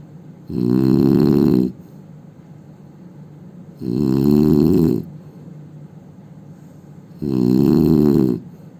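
Three loud, rattling snores about every three and a half seconds, roughly 18 a minute, with quiet breathing between them; heavy snoring.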